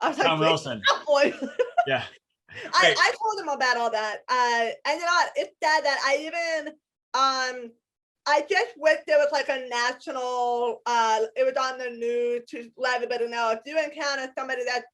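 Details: Adult woman with a lifelong disability and a lifelong speech impediment despite extensive speech therapy; speech impediment.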